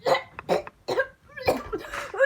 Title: Coughing me